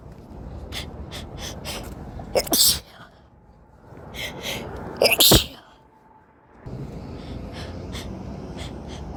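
Two forceful sneezes, each preceded by a short indrawn breath, over steady background noise; ordinary sneezing.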